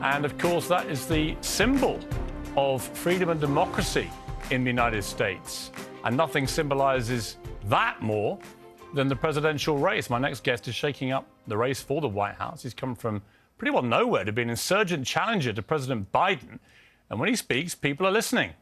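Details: Adult male presenter; normal speech.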